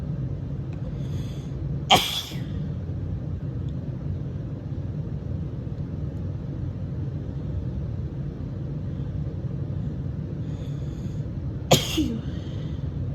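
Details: Female sneezing on waking in the morning during spring allergies, with a scratchy throat and sneezing all weekend: two forceful, harsh, painful explosive sneezes about ten seconds apart over a low rumble; allergy sneezes.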